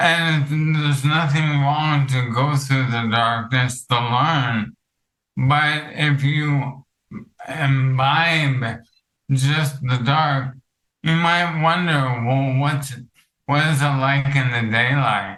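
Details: Counselor with ALS affecting his vocal cords, which makes talking for long periods difficult; dysarthria (ALS).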